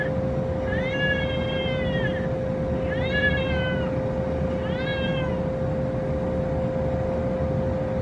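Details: Three short, thin, rising-falling wails over steady room hum: a newborn boy's cry at his first bath in hospital after a scheduled C-section delivery, before circumcision.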